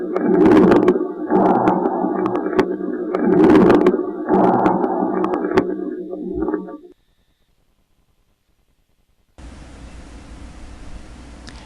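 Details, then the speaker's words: Coarse moist crackles in a respiratory exam lecture: bubbling, popping crackles over repeated breaths, heard in both phases but mainly expiration, coming and going with coughing and expectoration, from airway secretions. "se escuchan en los dos tiempos principalmente en la espiración suelen aparecer y desaparecer por las dos y la expectoración"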